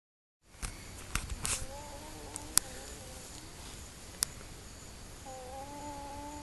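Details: High, musical, crowing breath sounds from a child, consistent with stridor from a narrowed upper airway.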